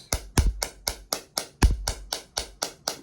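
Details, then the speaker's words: Electrohydraulic shockwave device at setting nine over the left knee joint line of an adult with chronic ACL deficiency since 2001 and meniscal-area inflammation: rapid, regular sharp snapping pops, about four per second. "I'm starting at a setting of nine. I'm going to double click this and away we go. Here we go. It's a little intense."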